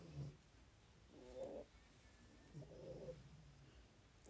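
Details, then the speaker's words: Sleeping pet, said to go "gu-gu" and startle at its own snoring, recorded during a livestream: soft, low snoring with a few rough breath bursts against quiet room noise; snoring. "いびき配信だ本当に。"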